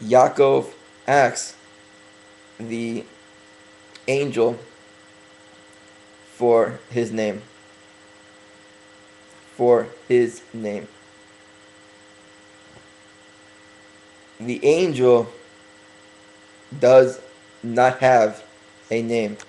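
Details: Adult man deliberately speaking slowly for a few weeks as part of correcting his stuttering, long pauses between short phrases; stuttering.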